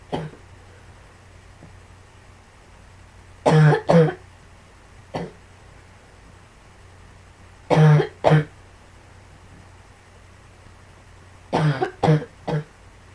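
Seven coughs in three separate bouts of two to three, with quiet pauses between them in a quiet room.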